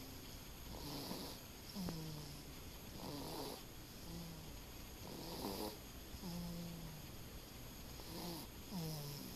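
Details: Snoring in the dark: soft, irregular snoring with a fluttering rumble about every two seconds over steady room noise.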